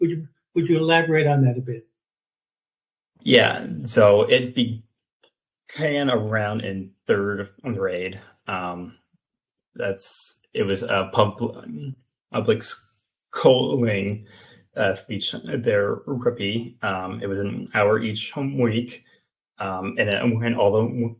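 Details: 28-year-old man with stuttering, an open stutterer who had speech therapy from elementary school through high school, speaking in an interview; stuttering.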